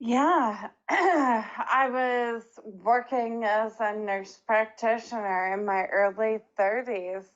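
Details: Woman diagnosed with ALS at age 32; her first symptom was slurred speech, followed six months later by hand weakness; dysarthria in ALS.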